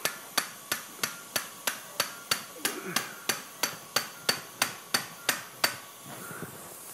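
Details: Live outpatient TLIF spinal surgery at L4-5 on a 50-year-old woman, a tennis player with prior left microdecompression for L5 radiculopathy: sharp regular metallic taps about three per second; mallet tapping on surgical instrument.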